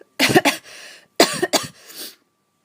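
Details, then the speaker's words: Adult feeling run down, doubting it's a cold, with constant coughing throughout the day and chest hurting: two short bouts of cough, each a pair of harsh bursts with rough trailing exhalation. "I yeah I don't know I don't think it's a cold cuz if it is a skipped everything and just went straight to the coughing stage"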